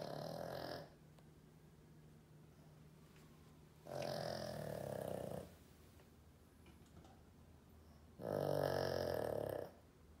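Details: Snoring in a dog: three loud rasping snores roughly every four seconds, about 15 breaths a minute, with quiet pauses between.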